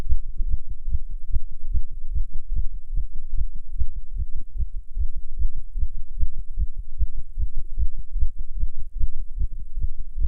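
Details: Heartbeat of a non-smoker while smoking a cigarette: rapid, regular low beats at roughly 150 per minute; tachycardia attributed to nicotine.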